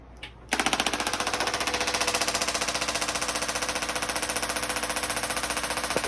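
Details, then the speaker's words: Shockwave (EPAT) therapy device in operation after a disc decompression session, for herniated/bulging disc pain, to break up scar tissue, muscle adhesions and trigger points; rapid, steady mechanical tapping at about 220 pulses a minute. "All right, so Jod's about to start with the shockwave or EPAT uh shockwave therapy to break up scar tissue, muscle adhesions, pain patterns, trigger points."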